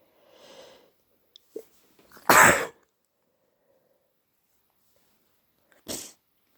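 A soft intake of breath, then two sharp, explosive sneezes a few seconds apart, deliberately triggered to relieve a blocked nose.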